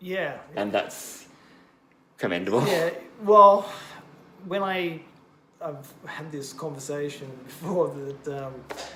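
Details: Adult male bilingual (English and Japanese) stroke survivor, stroke during heart surgery four years earlier, with expressive aphasia in both languages: word-finding difficulty, circumlocution, cognitive fatigue; language reportedly fell to about 50-60 percent, gradually improving; expressive aphasia.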